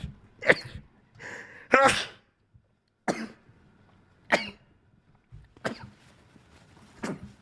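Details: Male Twitch streamer, who says he is sick and has allergies: a series of about six short explosive sneezes, some preceded by a quick inward breath, spaced about a second apart; rapid repeated sneezing.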